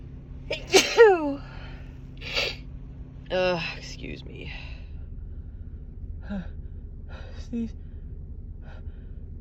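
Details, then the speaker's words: Woman with a Christmas cold: loud sneeze with a gasping build-up, then a second burst and a few smaller catches, followed by "excuse me"; cold sneezing, including doubles. "uh, wow, that was a big one. Excuse me."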